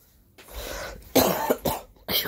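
A soft, breathy throat sound followed by three short, harsh coughs from an adult with laryngitis.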